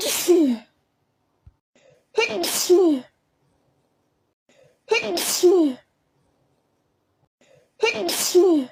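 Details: Person sneezing from a tickly feeling in the nose: four voiced sneezes, each a quick intake then an explosive 'achoo', about every 2.5 seconds; a sneezing bout.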